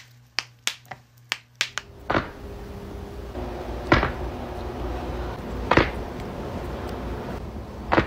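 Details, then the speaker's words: Back joint cracking: a quick series of sharp pops, then a few louder spaced cracks. "And then it's my back, which is the big one, so."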